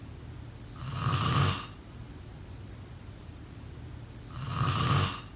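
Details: Two slow, rumbling snores about three and a half seconds apart over quiet room noise: typical snoring in sleep.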